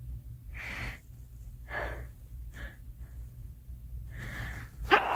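Several short sharp expulsive bursts with quick intakes of breath between them, a run of sneezes.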